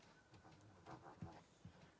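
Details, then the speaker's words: Small Chihuahua dog asleep on the floor in a craft room, heard in the background: snoring. "haha i don't know if you can hear my little chihuahua snoring in the background he's in the craft room"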